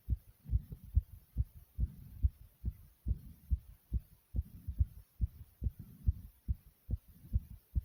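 Fast, steady low heart thumps at about 145 beats a minute: a racing heartbeat after exercise, a normal response to exertion.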